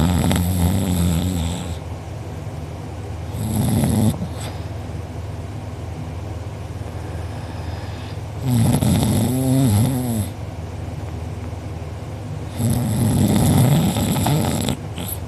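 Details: Heavy snoring from a sleeper who was out cold, recorded by a family member; mouth open and drooling, with a sore uvula and soft palate afterward. Loud, rattling snores on each breath in, about four breaths in fifteen seconds, over background hum.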